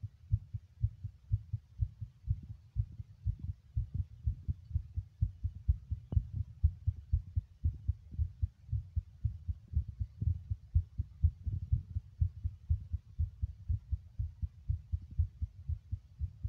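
Steady low thumping heartbeat, quite fast at roughly 120 beats a minute, with muffled background rumble.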